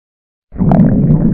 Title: Morning Stomach Growling (Reupload)